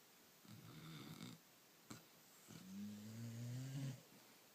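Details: Sleeping puppy after a hard day: soft, low rumbling snores with a brief snort in a quiet room; ordinary sleep snoring.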